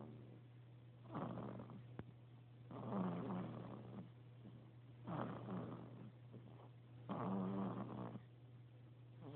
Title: snoring